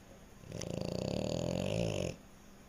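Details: Sleeping French Bulldog snoring: a single loud, rattling snore lasting about a second and a half, with a coarse fluttering buzz from the airway.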